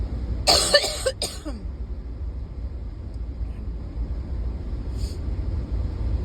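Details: Ongoing bad cough recorded in a vehicle: two quick harsh coughs, then a throat clear, over a steady low rumble; persistent cough.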